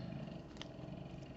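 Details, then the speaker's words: Sleeping dog snoring: a low, steady rumbling snore with a faint click partway through. "Bon, vous entendez Toto qui ronfle. Je fais de l'ASMR, je vous ai dit."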